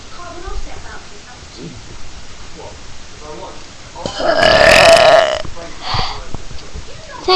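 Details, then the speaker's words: Man house-sitting, burping on camera: soft background talk, then one loud, long, voiced belch lasting about a second and a half; ordinary burp. "I'm going to burp. Wait, a bigger one."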